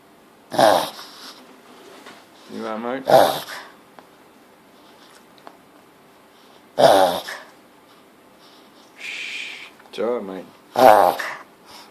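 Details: Pug gives loud, harsh snorts and honking inhalations in repeated bursts during a snoring or snorting attack.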